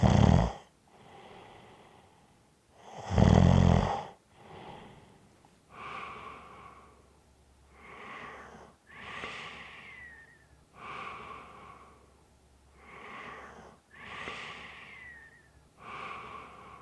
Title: Snoring Sounds ZZzzz with a light whistle